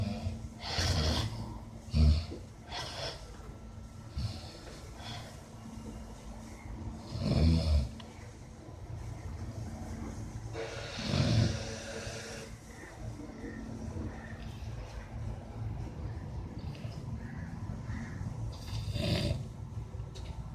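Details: Snoring during sleep: irregular low rattling snores with snorting breaths, a few per minute, against a steady background hum.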